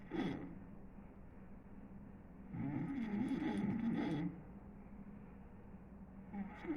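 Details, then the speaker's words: Loud, rough, low rumbling snoring from a sleeping person who fell asleep quickly and was not woken by the light, with a long noisy stretch between quieter breaths. "y de volado en cuanto te dormiste a roncar y nada te ha despertado increíble"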